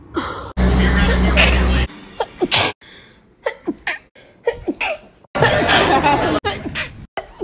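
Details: Compilation of one person's sneezes recorded over a year: several quick, sharp explosive sneezes, some preceded by a brief in-breath, edited together.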